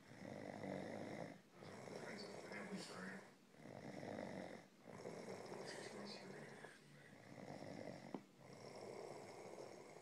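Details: Person snoring loudly with rough snores repeating about every 2.3 seconds, roughly 26 breaths a minute, with a fluttering rattle on each breath.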